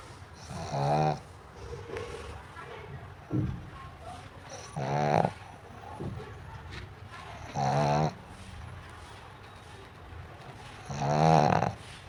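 Regular snorting snores every few seconds, about 18 a minute, with quiet breathing between; a sleeping flat-faced dog snoring.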